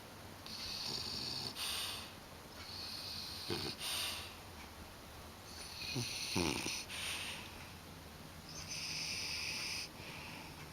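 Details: Puppy sleeping in, found snoring at breakfast time: soft, whistling, hissy breaths repeating through sleep with a few snorts, light snore over steady room hum. Snoring.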